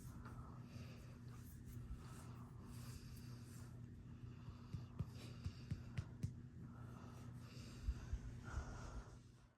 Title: The snores of a happy girl 😴💤😴💤